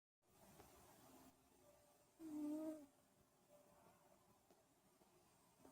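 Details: A single low, buzzing snore rises from a quiet room, then fades into soft breathing: a cat snoring while sleeping after a day of catching frogs.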